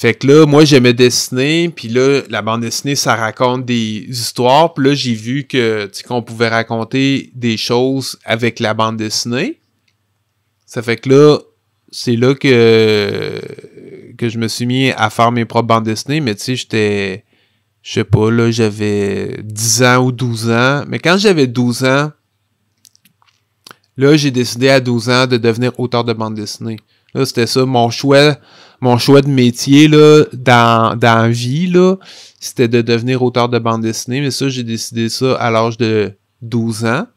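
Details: Stuttering in an adult French-speaking man who has stuttered since about age 5, with part-word and word repetitions audible; real, developmental stuttering.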